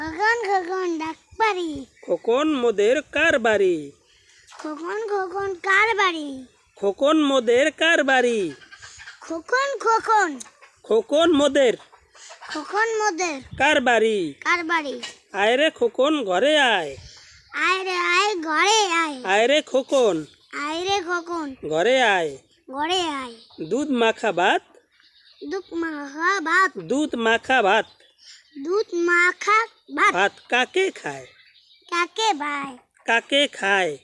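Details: Stuttering in a small boy reciting a rhyme.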